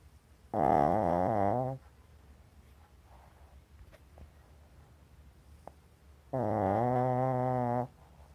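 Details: Small dog asleep under a table in full REM sleep, snoring: two long, buzzy, rattling breaths about five seconds apart with quiet between them.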